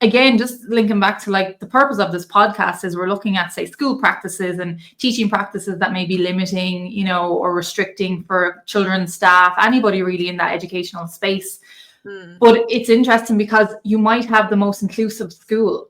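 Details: Adult woman; ordinary speech.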